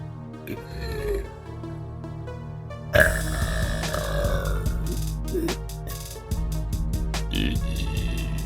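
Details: A girl's long, low, rumbling burp, with music playing throughout in the background.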